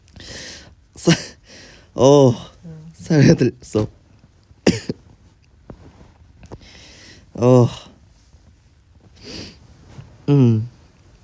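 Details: Repeated strained, voiced coughs with gasping breaths between them after choking on something swallowed the wrong way.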